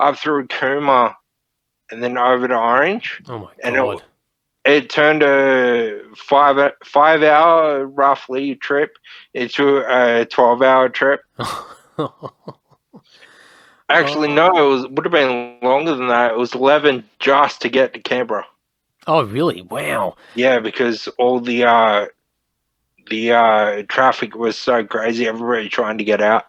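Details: Ataxic dysarthria (slurred speech) from Friedreich's ataxia, a neurodegenerative disorder, in a 31-year-old man diagnosed at 14; he reports slurred speech and struggling with words as part of the disorder.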